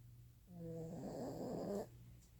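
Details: Cuddly female Italian Greyhound snoring: a single buzzing, rattling snore on one breath, with a faint hum in the room.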